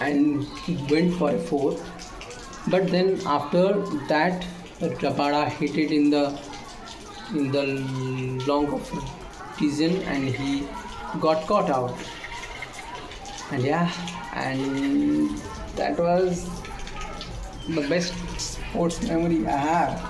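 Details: Male speaker with self-reported stammer; phrase restarted after long pauses with voiced sounds; stuttering.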